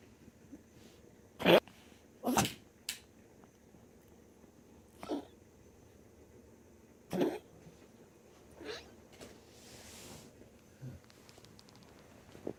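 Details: Dog after tracheal ring surgery with constant coughing while exhaling: about six short, sharp honking coughs over twelve seconds, each on the out-breath.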